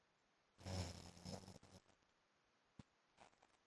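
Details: Adult man snoring, likened to a motorbike: a single loud, rough, low-pitched rattling snore on a breath in, then quiet with a faint click and a softer rustle.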